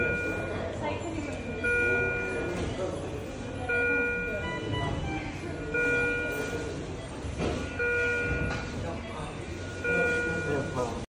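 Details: Philips bedside cardiac monitor on a busy ward gives repeating electronic alarm tones every two seconds or so, over background voices and ward noise.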